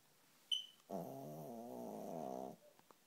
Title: my dog snoring